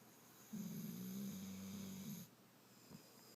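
One soft, steady, low buzzing breath lasting nearly two seconds in a quiet room: a small snore.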